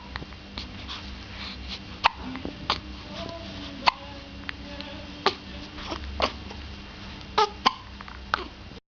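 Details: Repeated brief, sharp hiccups, about eight or nine over nine seconds, over steady room noise; hiccups.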